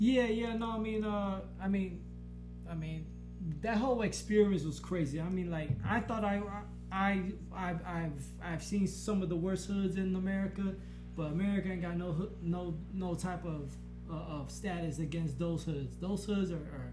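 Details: Adult man who has stuttered since childhood, much worse after blast-wave brain injuries from IEDs during military service; he has physical reactions while stuttering (eyes roll back, body moves back) and does not stutter when rapping; stuttering.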